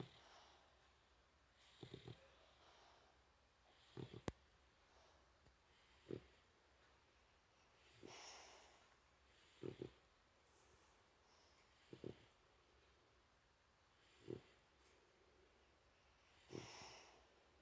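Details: A sleeping male brindle boxer puppy snores softly in a steady rhythm, about 28 snoring breaths a minute, lying on top of an adult male boxer who is dreaming.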